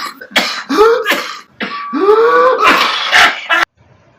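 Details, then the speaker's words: Teaching example of whooping cough (pertussis): rapid bouts of harsh coughing followed by long, sharp, high-pitched crowing inhalations that sound distressing. "So there are various examples in adults and children with whooping cough. So it's characterized by this very sharp inhalation after like bouts of coughing. So it actually sounds very distressing when you hear it."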